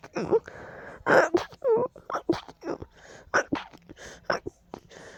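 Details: Strong allergy sneezing fit: a quick run of short, sharp sneezes with gasping breaths and small whimpers between them, the relief not coming; allergic sneezing fit.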